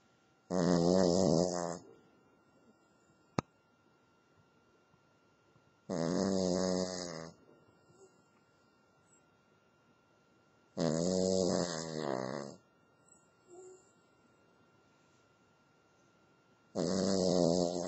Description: My cavalier king charles spaniel, Lacey, snoring! This is what she thinks about bringing in the new year!